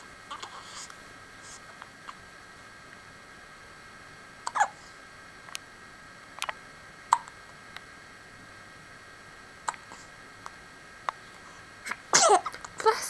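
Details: Young child, possibly an infant: several short, sharp little hiccup sounds spaced a few seconds apart in a quiet room; hiccups.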